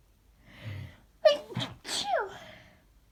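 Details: Morning sneezes, stifled to stay quiet, in a person who says they sneeze like this daily on waking: a soft in-breath, then a sharp explosive burst with a voiced catch and a trailing second burst.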